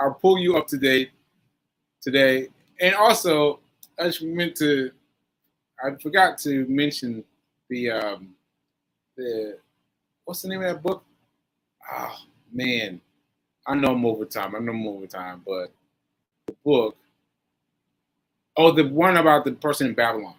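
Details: Post-stroke aphasia with word-finding difficulty in a male stroke survivor, nearly a year after a stroke on 7/14/22 (recorded 7/4/23); he is still recovering and says his aphasia makes some things harder.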